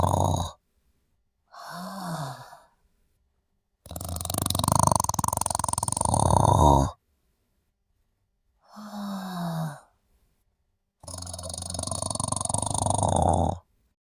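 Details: Sleeping adult snoring: irregular noisy breaths with rough, snorting snores and whistling breaths, separated by short silences.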